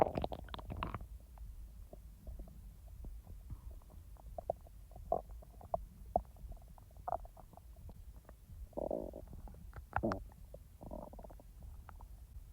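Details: Real stomach sounds, not recorded in real time: soft gurgles, bubbling pops and low rumbles coming and going irregularly; normal bowel sounds (borborygmi).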